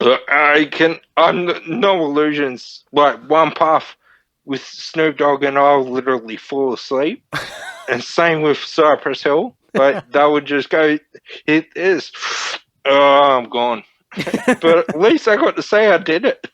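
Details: Man, 31, with Friedreich's ataxia diagnosed at 14, a neurodegenerative disorder; he reports slurred speech and word-finding struggles as part of the disorder; finding: dysarthria (ataxic speech) in Friedreich's ataxia.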